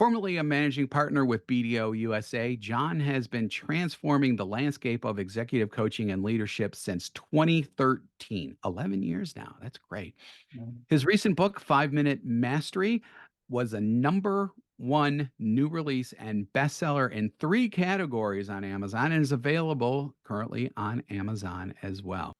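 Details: Adult male speaker; normal voice.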